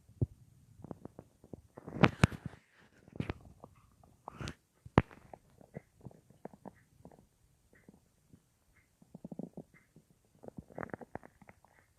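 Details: Adult lying on left side, mic pressed against the belly, about an hour after soup on a day without a full meal; quiet irregular gurgles, squelches and pops with gaps: bowel sounds at night.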